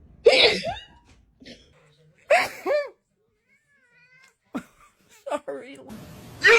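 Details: A person sneezing near a cat: two sharp, bursting sneezes with voiced tails, then a faint meow from the cat and short noises in a small room.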